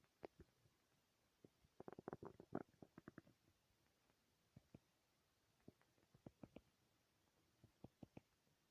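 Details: Bursts of gurgling, bubbling rumbles in quick runs with quiet gaps between; loud stomach growling, a normal sound of gut movement; borborygmi.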